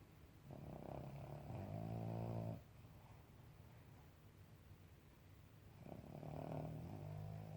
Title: Coco funny snoring😴😴